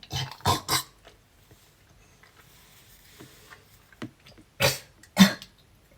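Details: A person with asthma and a cold who cannot stop coughing while brushing their teeth: clusters of harsh, rapid coughs in quick pairs with breaths between; a persistent real cough.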